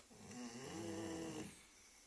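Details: Sleeping Labrador dog: a single soft, droning snore on one breath in a quiet room; snoring.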